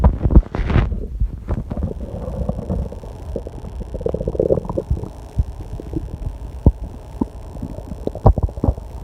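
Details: Loud stomach growling during online testing: continuous low rumbling and gurgling with scattered pops, a ticking clock and air-conditioner hum behind; ordinary borborygmi.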